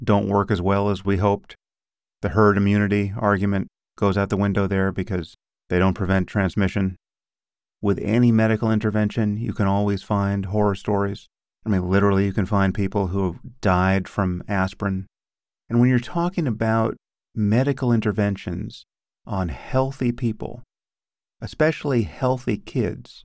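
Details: Adult male speaker; typical speech.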